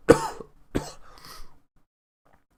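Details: Adult who is ill and sounds croaky, having a coughing fit: a sharp burst trailing into rough, breathy coughing and throat noise, then a brief exclamation; cough.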